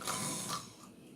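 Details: Single short, harsh, rattling breath noise that fades away during sleep; snoring, not normal sleep breathing.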